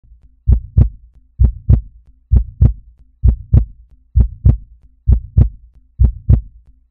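Steady, regular lub-dub heartbeat at about 65 beats a minute, with no extra sounds.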